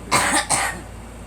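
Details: Girl coughing inside a vehicle with engine hum: two quick, harsh coughs in a row; allergies mentioned as the cause.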